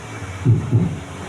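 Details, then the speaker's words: A single lub-dub heartbeat, two low thumps close together, played during a parenting talk as an example of a normal heartbeat. "Kalau detak jantung ada suara seperti itu, Anda masih normal."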